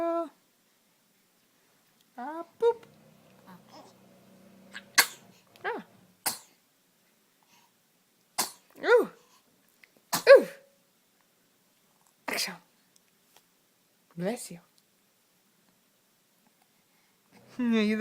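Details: Infant sneezing while smiling, cooing and moving: small sharp sneeze bursts between soft baby coos, with a parent's voice at times.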